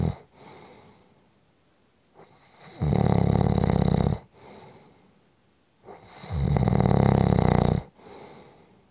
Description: Just a short snoring audio clip!